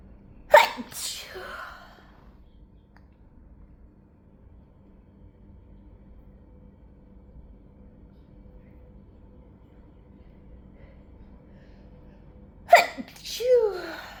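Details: Two short, muffled stifled sneezes from an adult, each a sharp burst with a brief breathy tail, separated by a long quiet gap; part of a sneezing fit.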